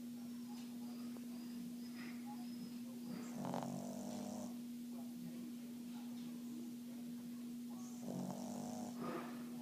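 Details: An animal called Moose snoring: two rattling, wheezy snores with a hissing edge, about five seconds apart, over a steady background hum: snoring.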